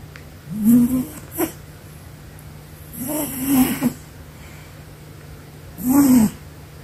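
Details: Pet cat sleeping: short, rattly snores, three breaths in about six seconds; ordinary snoring in sleep.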